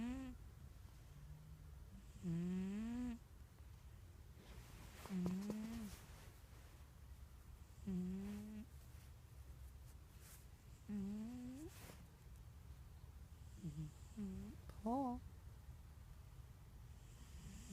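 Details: Cat snoring: short, high squeaky whistling snores recurring every few seconds, about six to seven in all, over quiet room noise; described as wheezy.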